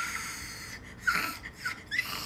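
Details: Woman who had vocal nodules in high school imitating how she could not produce sound when trying to scream; acted, not current; aphonic attempted scream (vocal nodules, imitated).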